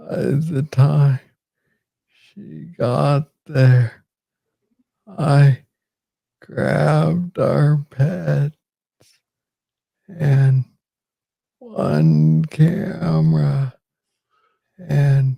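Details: Adult man with Parkinson's disease diagnosed in 2014 at age 35, first misread as tennis elbow; Parkinsonian speech with slow rate and long pauses.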